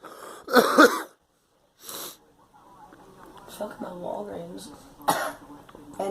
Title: Girl coughing